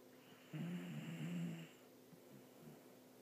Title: Capone my dog snore.